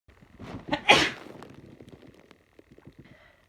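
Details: Single sneeze after dusty cleaning: a short quick inhale, then one sharp explosive sneeze followed by faint snuffling.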